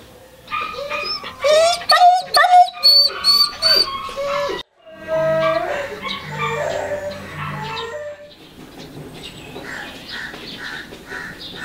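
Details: High whimpers, yelps and barks from Nepalese street dogs at an animal welfare shelter that works like a hospital, treating fractures from road accidents and infectious diseases such as distemper, parvo and rabies, with faint room noise.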